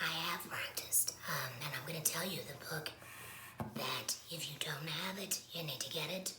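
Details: Woman who has had a laryngectomy, speaking with alaryngeal voice; alaryngeal speech after laryngectomy.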